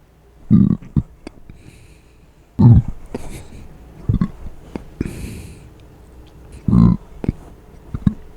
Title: closed mouth burps (+ a few small hiccups)